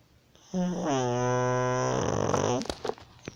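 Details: A single long, buzzing, droning snore on one breath, ending in a few rough bursts: snoring.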